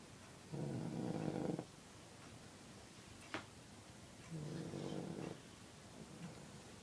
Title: My brother snoring